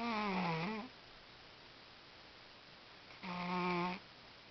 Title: Benson the Snoring Cat (turn up your speakers)